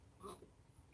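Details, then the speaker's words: A small dog gives a single short, snorting cough in a quiet indoor room. "Channel sorry ra you coughed and now the little dog's coughing you hear that"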